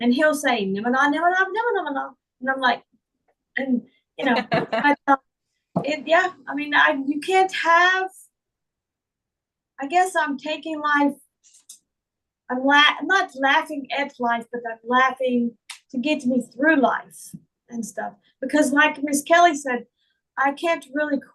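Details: Adult woman with foreign accent syndrome who also reports difficulty remembering words, reading and saying long words.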